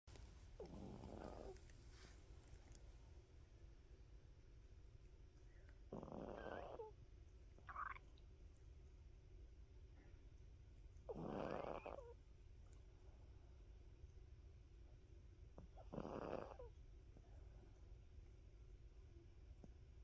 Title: Snoring Dog #SNORING #puppy #cute #dog #funny #relaxing